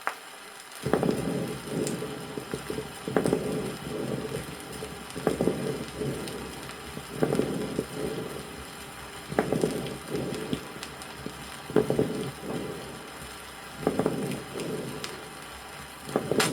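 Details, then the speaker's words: Lung abscess patient: ringing medium-bubbling moist crackles over bronchial breathing, bursts of bubbling with each breath at about 28 breaths a minute; 1964 USSR vinyl teaching recording. "следующая запись произведена у больного с абсцессом лёгкого прослушиваются звонкие сред пузырчатые влажные хрипы на фоне бронхиального"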